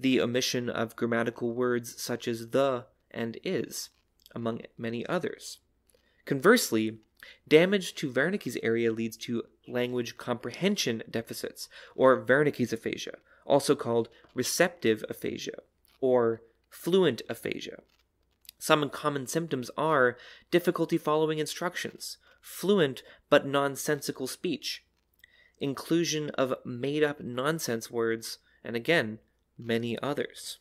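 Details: Adult narrator; Normal speech.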